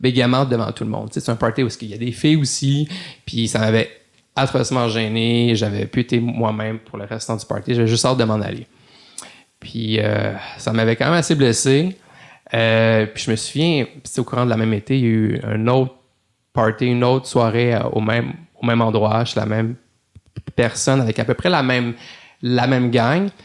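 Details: Adult male lawyer who grew up in Montreal and has had a stutter since childhood, speaking French in a podcast interview; stuttering.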